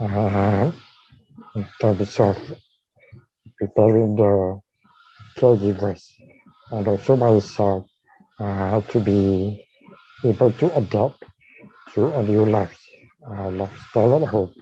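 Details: Dysarthria in a man with ALS/motor neuron disease diagnosed in 2018, tracheostomised late the previous year and ventilator-dependent, using leak speech around the tracheostomy while on the ventilator and needing suctioning between talking.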